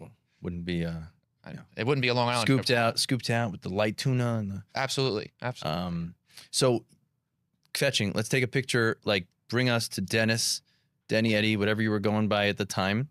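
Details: Adult men in conversation; typical speech.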